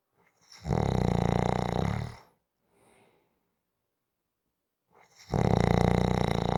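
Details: Steady snoring: loud, buzzing, fluttering snores on each in-breath, with a soft exhale between.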